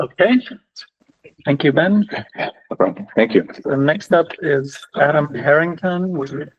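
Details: Adult man speaking; Normal voice.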